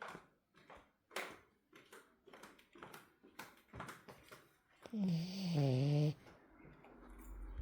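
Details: A female French bulldog snoring: soft snuffling breaths, then one long, loud, low, rumbling snore, typical of a flat-faced dog.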